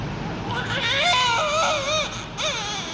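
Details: Loud, sustained, tonal newborn crying with rising and falling pitch; a strong, vigorous cry of an active newborn.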